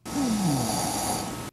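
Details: A single brief, rough, droning snore over steady background noise; snoring.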